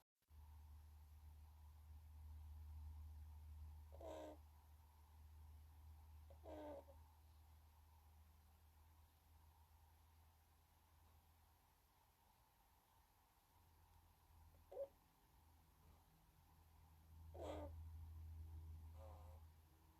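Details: A resting ringneck dove snoring: a soft, low, steady rumble broken by a few brief chirps.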